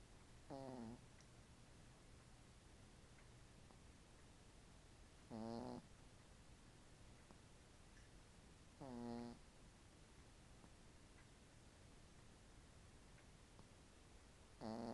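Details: Sleeping dog snoring: short buzzing, slightly whistling snores about every four seconds, roughly 15 a minute, over steady room hum; recorded on an iPhone.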